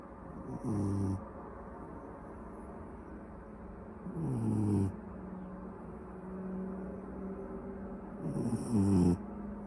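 Three loud, rough rattling snores about 4 seconds apart, roughly 14 a minute, with a steady wheezy hum between them.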